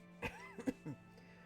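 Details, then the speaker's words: Three short, sharp coughs in quick succession over background music from an adult in week three of an illness, with hoarse voice and new wheezing after coughing and laughing. "I wheeze when I laugh and I wheeze after I cough and"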